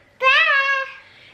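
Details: Girl nearly 3 years old, recently diagnosed by two speech therapists with childhood apraxia of speech, consistently saying only Mama and Dada, attempting "hi" when prompted; childhood apraxia of speech.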